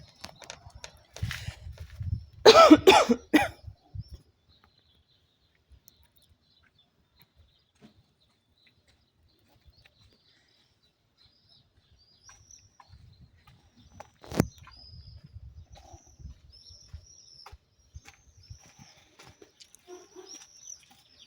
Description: Woman smokes a cigarette and coughing throughout the video. She coughs quite a lot while smoking